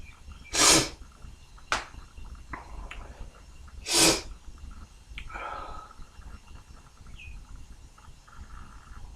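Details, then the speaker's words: Two messy, forceful, explosive sneezes spraying, with a sharp intake between, then quieter breathing and sniffing; morning sneezing. "It's messy. Two. Everything's getting absolutely caked in spray."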